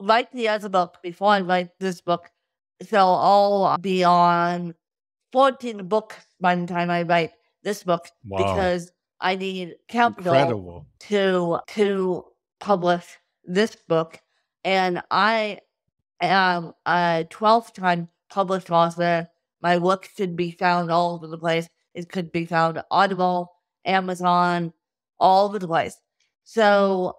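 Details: Adult woman with cerebral palsy since birth from lack of oxygen at birth; difficulty speaking, sitting up and eating, and easy fatigue; dysarthria (cerebral palsy).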